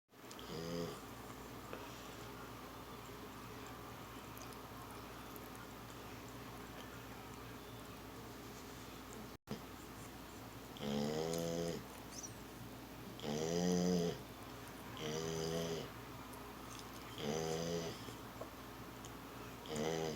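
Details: Female dog asleep with her head on a pillow, snoring like an old man: rhythmic groaning, rumbling snores, about five over ten seconds, with loud pitched vibration on each breath.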